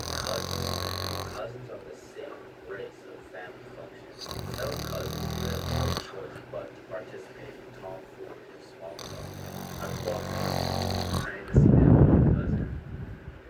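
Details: 12-year-old snoring loudly while sleeping on his back with mouth open, recorded by his younger sister: loud, rough, rattling snores about every four to five seconds, quieter breathing between.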